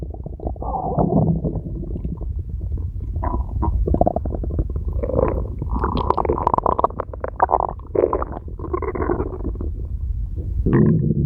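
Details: Stomach growling: long, low rumbling and gurgling with bubbly bursts from gas and fluid moving through the gut (borborygmi).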